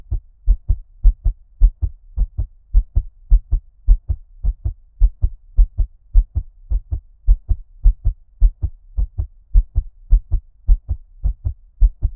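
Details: ASMR heartbeat with ear-cupping effect, muffled underwater-like, no talking: steady paired thumps at a quick pace, about 130 beats a minute; fast-rate heartbeat.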